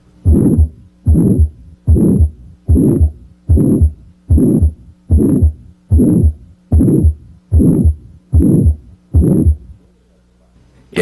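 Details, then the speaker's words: Aortic stenosis: regular heartbeat about 74/min, each beat with a loud, harsh, rising-and-falling mid-systolic murmur, heard on auscultation. "systolic murmurs can occur in healthy people or in those with heart disease for example a loud mid systolic murmur may be heard in aortic stenosis"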